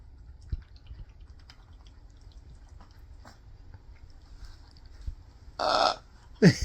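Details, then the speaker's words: Pet parrot imitating a burp: quiet room noise, then two short burp-like bursts. "really more okay more time M good good you done what you keep burping for what are you doing my finger okay I'm give it put it up for you okay you leave my finger alone"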